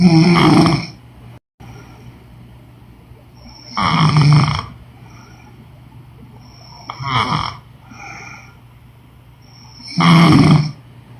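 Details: Woman snoring: loud rattling snores on each breath, four in about eleven seconds, roughly 20 breaths a minute.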